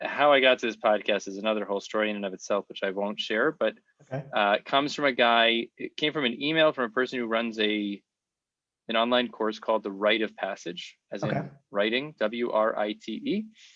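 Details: Adult man speaking; typical speech.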